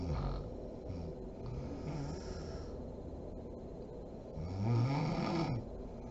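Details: Mother snoring while asleep: low rumbling snores during sleep breathing with background room hiss; ordinary snoring.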